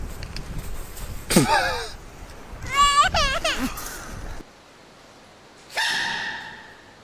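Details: Infant (baby) sneezing: small, high-pitched sneezes with brief squeaky vocal sounds between them over background noise; ordinary baby sneezing.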